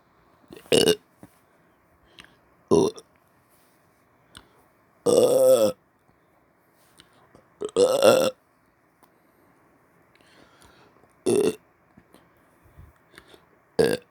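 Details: About six loud, voiced on-command burps at irregular intervals over fourteen seconds, done deliberately after brushing teeth: burping.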